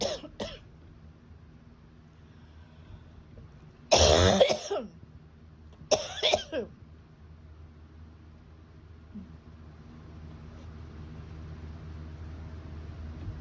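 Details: Three or so harsh, forceful chest coughs in a quiet room from acute bronchitis, about 10 days after a summer head cold that moved down into the chest.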